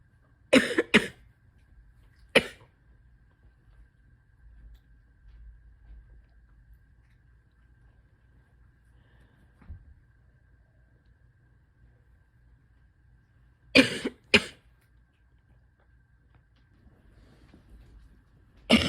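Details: Adult with asthma, spring allergies and chronic bronchitis, likely sick with a respiratory illness: two bursts of harsh, congested coughing, a pair then one, repeated after a pause, a wet chesty cough.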